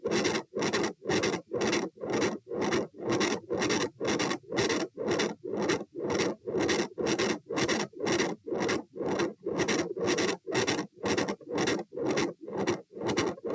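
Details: Heart sounds recorded at the aortic area (position A), standing and sitting, at 120 bpm: a very loud aortic murmur.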